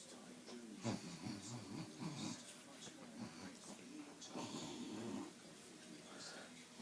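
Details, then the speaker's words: Adult woman (mum) snoring while asleep, though she claims to be awake; rough, rattling low snores in a few drawn-out bursts with faint room noise between. "you're not telling me that's not a snore cuz that is a snore am I right am I right"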